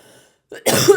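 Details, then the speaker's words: Adult woman who is ill with a cough and has a dislocated shoulder in a splint gives a single short, harsh cough after a quiet moment. "Comme vous entendez, je suis aussi malade, je tousse."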